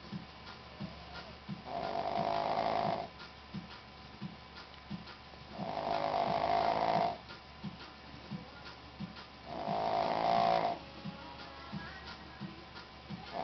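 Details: 11-year-old Shih Tzu snoring: regular rattling snores about every four seconds, roughly fifteen breaths a minute, with soft clicking between breaths.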